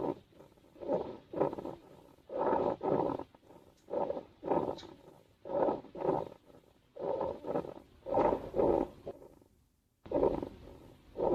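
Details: Hedgehog sleeping in a garden hedgehog box, snoring with a pump-like noise as if pumps were running in a greenhouse.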